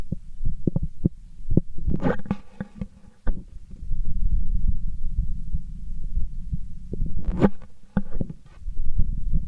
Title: heartbeat sound